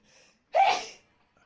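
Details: A single sharp, explosive sneeze after a brief breathy intake; a sneeze reflex set off by a COVID-19 nasal swab test.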